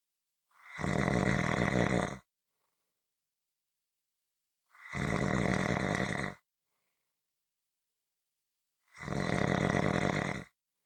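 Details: Loud, harsh, rattling snores on each breath in, about 14 a minute, with silent pauses between: snoring.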